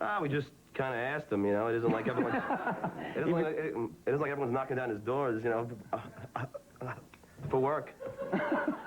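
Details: Adult male known for a stutter, described as having a speech impediment; part-word and word repetitions; stuttering.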